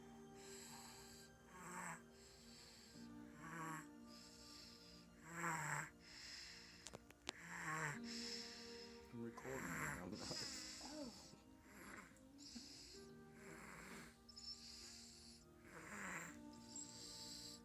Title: Baby snoring with food stuck on face